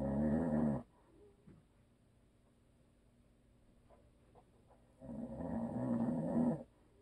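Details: Two loud, rumbling snores about four seconds apart from an adult man, the husband of the recorder, with quiet breathing between them; typical snoring.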